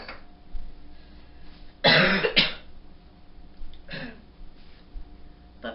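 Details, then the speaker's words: A few harsh, loose coughs, then a throat clear, in a quiet room: a chesty cough the person attributes to congestion in the lungs, said to be milder than their last one, after a low fever that broke overnight. "cough that I have is not at all as bad as my last one this cough is actually from congestion being uh in my lungs in my chest"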